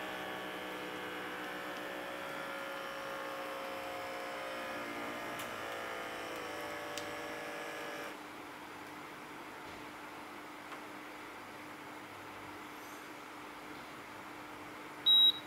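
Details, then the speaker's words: Steady motor hum as the upper-arm cuff of a Microlife 3NZ1-1P automatic blood pressure monitor inflates, then a quieter deflation, ending in a short beep when the reading is complete; subject keeps silent. "Ừ chị đo thì mình không nói chuyện nha và sẽ để máy tự chạy để cho cả nhà mình thấy cái máy hoạt động như thế nào"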